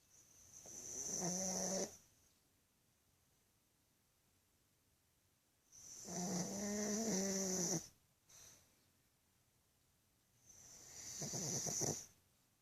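Loud, rattling, whistling snores on three breaths with quiet gaps, about 11 breaths a minute, typical of a flat-faced dog.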